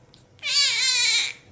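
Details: 2-week-old newborn girl during a chiropractic adjustment, left eye noted to look bruised after birth: a single high-pitched, sustained wail lasting about a second, then trailing off; an ordinary newborn cry.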